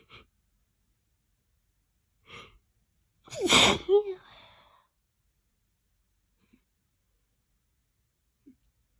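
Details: Loud, wet, messy sneeze after a long, stuck build-up: short catching breaths, then one explosive sneeze, a brief exhale, then quiet.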